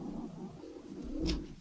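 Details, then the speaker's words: Low, soft rumbling breaths with a brief airy puff near the end from a sleeping female dog in a small room: snoring. "oh my gosh, my dog. I'm sorry. You can hear her snoring."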